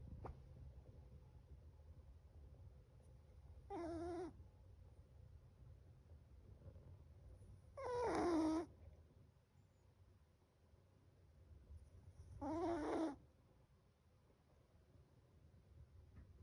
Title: Ep384: 7 month Chihuahua: Chocolate snores so loud.